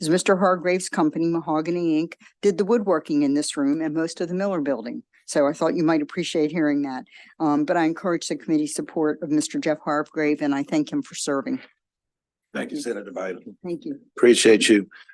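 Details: Adult male speaker; normal voice.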